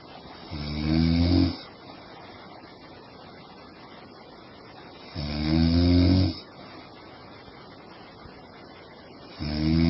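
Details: Sleeping woman snoring: loud, deep, rattling snores on breathing in, about 13 a minute, with a steady room hum between breaths.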